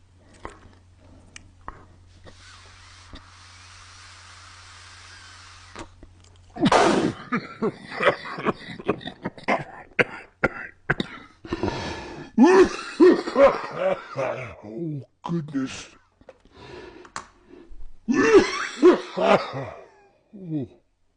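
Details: After a quiet start, an adult man breaks into a run of forceful, harsh coughs mixed with throat clearing and gagging sounds after tasting a mango-flavoured item.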